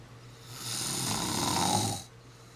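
One long, rough, rattling breath of about a second and a half over quiet room noise, typical of a snore.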